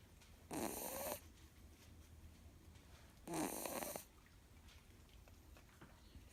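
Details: Female miniature Schnauzer puppy asleep, napping: two loud, rattling snores with quiet pauses between, roughly 20 breaths a minute; snoring.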